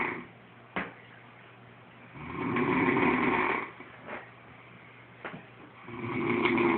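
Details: Noisy, rough, horse-like snoring breaths with a few sharp clicks over a steady background hum; snoring.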